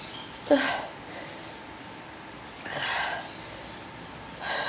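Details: Adult in a quiet room with a very intense sneezing bout, unable to stop, eyes affected: several breathy, hissing bursts with sharp intakes between them; repeated sneezing.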